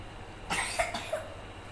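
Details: A short run of about three wet, loose coughs from a child, with low room noise: cough.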